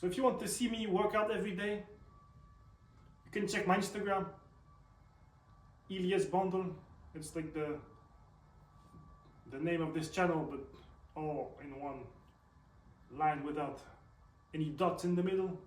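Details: Male with self-reported stutter, also reports tics; stuttering.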